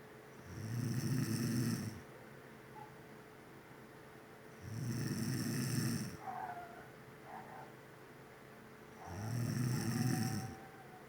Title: How She Snores💤💤